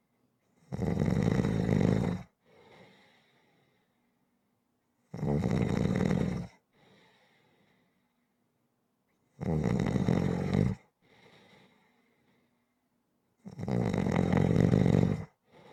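Loud, rough snores on each in-breath, about four breaths a minute apart, each followed by a quieter out-breath.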